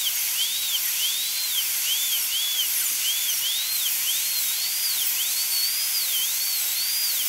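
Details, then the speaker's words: Dental high-speed handpiece making the distal proximal cut with a brushing motion on upper molar tooth #3 during full zirconia crown prep: steady high-pitched whine, pitch dipping and rising as the bur cuts. "so let's go ahead and make our distal cut kind of a brushing motion"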